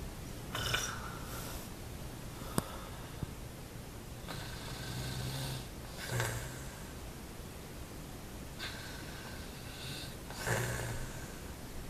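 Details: Snoring all night long: repeated snorting, rasping snores on each breath, several cycles over about twelve seconds, over steady room noise.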